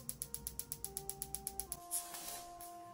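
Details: Rapid regular clicking, about eight pulses a second, with a faint steady tone, stopping partway: a Piezowave2 focused shockwave therapy device at intensity 2 to 4, applied to the lateral elbow (tennis elbow area).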